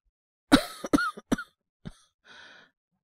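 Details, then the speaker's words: Acted (simulated) cough of a young man with a cold, coughing since yesterday, no sore throat, runny nose or fever: a run of three or four short, harsh coughs, then a sharp inward breath and sigh-like exhale. "なんか、昨日から結構咳が出てて、喉が痛いとかまではいかないんですけど。"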